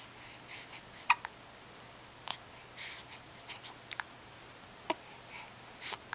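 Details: Hiccups in a 6-week-old: sharp, brief catching sounds recur every second or so in a quiet room, with faint breathing between them.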